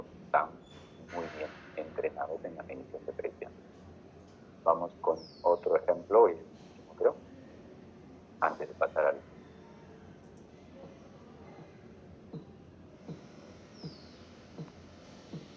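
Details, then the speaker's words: Korotkoff sounds during cuff deflation: systolic pressure 182 mmHg, sounds disappear at 170 and then reappear, persisting down to 116 mmHg where they vanish, an acoustic variant with a silent gap. "el nivel de presión sistólica en este caso estuve en 182 notaron que en 170 desaparecieron los ruidos pero volvieron a aparecer luego hasta 116 donde desapareció la presión"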